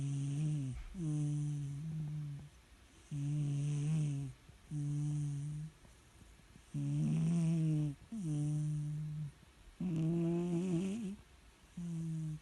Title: Adorable Red Cat Sleeps and Snores 😻